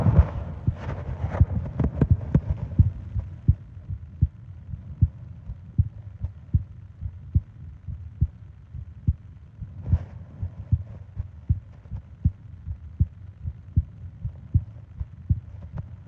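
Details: Normal heartbeat with breathing sounds, recorded for a sleep ASMR: steady low thumping at about 70 beats a minute, with soft breath rustle early on; regular rhythm.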